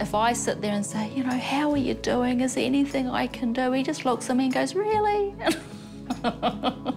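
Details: Adult woman speaking, with background music; ordinary speech.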